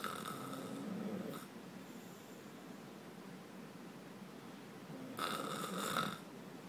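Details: Person snoring: two rough, rattling snores a few seconds apart, with quiet breathing between them.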